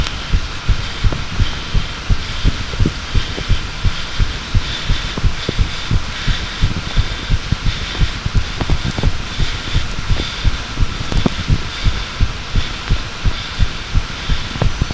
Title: Second heartbeat recording